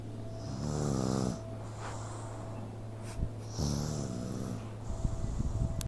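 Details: Little baby snoring after suddenly falling asleep: two rattling snores on breathing in, each about a second long, with a steady hum in the room.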